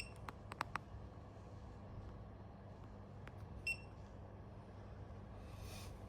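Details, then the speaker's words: Kaixin BVT01 bladder scanner set to standard male patient: short electronic beeps and clicks over room hum during a scan of about 3 seconds, showing a residual bladder volume of 436 ml. "And the scan only takes about 3 seconds. 3 2 1."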